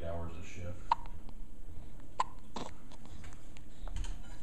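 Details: Child with hiccups: sharp, brief hiccup clicks two or three about a second apart, over faint background talk and room noise.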